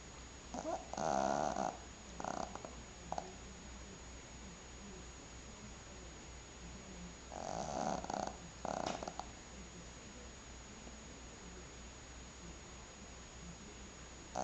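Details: Sleeping Maltese dog snoring: clusters of short, nasal, fluttering snores separated by quiet pauses, over a steady background hum.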